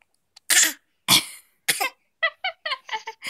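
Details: Voluntary cough from a toddler coughing on command during play: a few short, light coughs on prompting, not from illness.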